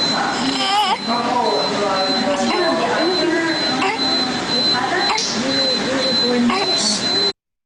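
An infant makes a voiced, moaning grunt with each breath out, repeating steadily, over a faint high steady tone: expiratory grunting.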